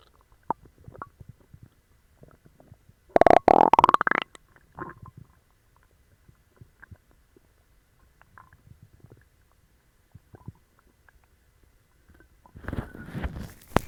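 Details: A loud rising gurgle, then soft scattered bubbling and a later rumbling burst from a person with an upset stomach, bellyache and loose bowels after eating dog treats: stomach growling.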